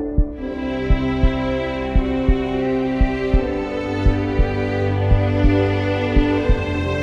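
Heavy double-thump heartbeat, about 60 a minute, beneath slow sustained orchestral music; a heartbeat sound effect.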